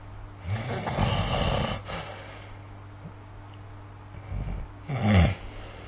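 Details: Snoring during sleep recorded with the SnoreLab app: two rough, rattling snores separated by a quiet pause, with a steady low hum behind them.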